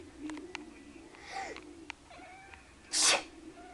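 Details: A cat in a quiet room with faint cat sounds, then one sharp, hissing burst of air near the end: a single cat sneeze.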